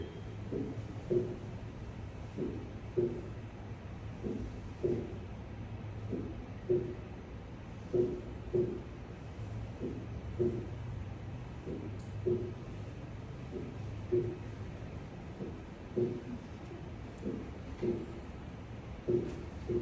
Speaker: Observe la baja frecuencia de los latidos y la intensidad variable del primer ruido cardíaco en un paciente con bloqueo auriculoventricular completo.